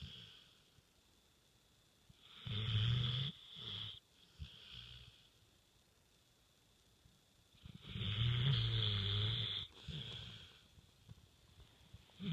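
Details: Snoring with tongue out: two loud, low rattling snores on inhalation separated by quiet pauses, with softer noisy exhalations.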